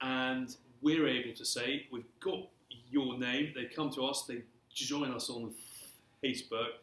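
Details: Stuttering since early childhood, persisting throughout his career, in an adult male civil servant.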